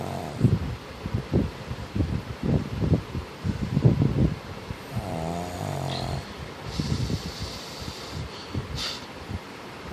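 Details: Pug dog snoring: rapid, rattling snorts in a steady rhythm with a brief whistling sound midway.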